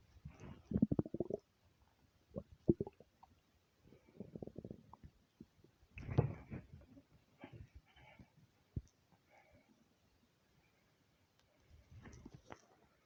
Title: nonstop stomach rumbles